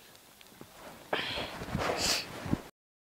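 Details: Super quiet, stifled sneezes: short muffled bursts of hissing air held back in the nose and mouth while others were asleep.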